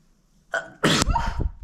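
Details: Brief in-breath, then one sharp, explosive sneeze with a short trailing voiced sound, made while baking when the nose was tickled, sneezing onto flour.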